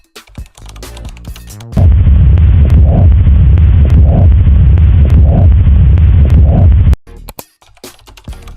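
Heartbeats sit beneath a steady, blowing whoosh that fills the space between beats, with brief music before and after. This is the murmur of mitral regurgitation, caused by blood leaking backward through the mitral valve with each contraction.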